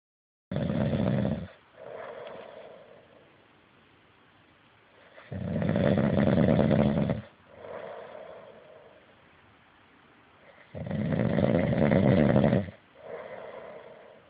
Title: Can't hear for snoring